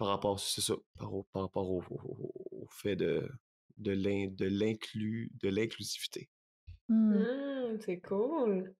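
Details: Stuttering in an adult man in his thirties who stutters.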